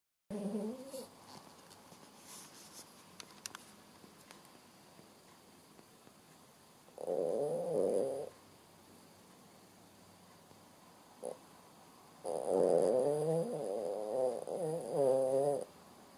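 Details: Sleeping Shih Tzu dog snoring: three drawn-out buzzing, vibrating breath sounds separated by quiet pauses.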